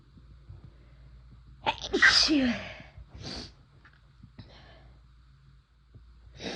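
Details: First-time use of chhinkni sneezing powder: one big forceful induced sneeze followed by smaller sneezes and sniffs.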